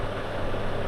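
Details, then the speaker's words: Automatic electronic upper-arm blood pressure monitor (GearUP BPM-10) on an adult's arm: continuous low motor hum of the electric pump inflating the cuff. "এখানে মেশিনের ভিতর থেকে automatic pump চলে আসবে এবং আপনার result দেখানো শুরু হবে।"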